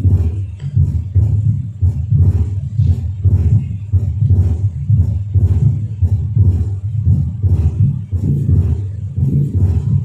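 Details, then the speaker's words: Heart sounds of atrial septal defect with fixed splitting of S2, possibly with an accompanying flow murmur. "of heterosexual effect is fixed splitting of s2 and if it is complemented by a failed marmalade the diagnosis becomes easier let's listen to the final oscillatory findings of asd"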